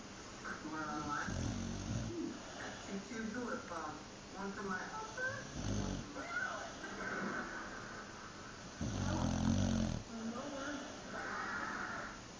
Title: Someone is enjoying their nap snoring away lol